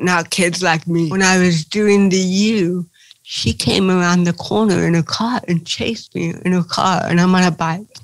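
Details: Dysarthria in an adult woman with cerebral palsy.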